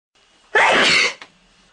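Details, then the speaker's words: Person with ragweed allergies: a single loud, explosive sneeze lasting about half a second, ending in a brief catch. "have allergies. I have to sneeze. Ragweed. Ragweed. I have to sneeze."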